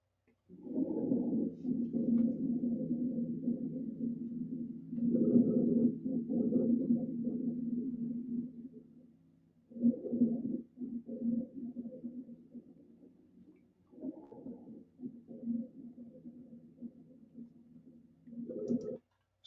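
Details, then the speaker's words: Rhonchi played in an EMT class lung-sound demonstration: low-pitched, rumbling, gurgling breath sounds with an underwater quality, indicating secretions or fluid in the airway. "you can kind of hear it almost sounds like it's under water that's um that's indicative of secretions or or fluid or liquid of some kind in the airway"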